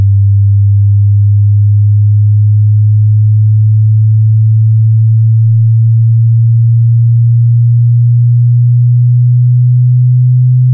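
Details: Self hearing test, meant for headphones at normal volume, with on-screen frequency display: a steady, very low pure hum rising slowly in pitch, with a brief break, from the low end of the tone sweep.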